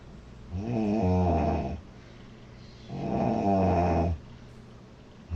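Two loud, buzzing, vibrating snores on the in-breath, with quiet pauses between, about 25 breaths a minute. Loud snoring.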